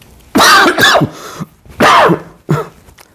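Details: Cough.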